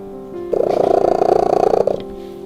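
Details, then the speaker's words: Cat purring while calm or being stroked; brief, rapidly pulsing purr over steady background music, a normal contented sound; purring said to occur around 26 Hz and to be calming for humans. "berdasarkan penelitian kucing biasanya mendengkur pada frekuensi 26 harus frekuensi Ini bisa memberikan terapi pada manusia dengarkan dengkuran kucing bisa membuat kita lebih tenangno"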